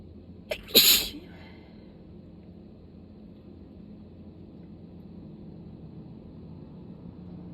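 A single sharp, explosive sneeze with a short catch of breath before it, followed by quiet room noise.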